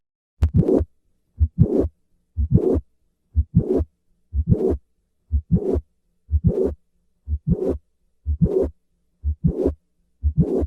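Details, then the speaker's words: Mitral valve prolapse, regular rhythm about 62/min: sharp mid-systolic click followed by short late systolic murmur; classic click-murmur complex, which moves later with squatting; most common valvular disease in developed countries. "in summary mitral valve prolapse is the most common valvular disease in developed countries the classic click murmur complex moves later with a squat maneuver"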